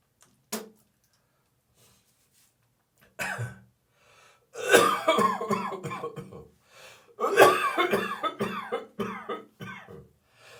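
Short dry cough bursts followed by drawn-out, strained gagging and retching sounds from an adult.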